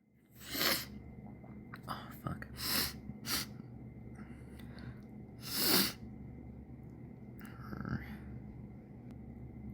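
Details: Run of sharp, hissing sneeze bursts with sniffs between, over a steady background hum; sneezes deliberately coaxed out by tickling the nose.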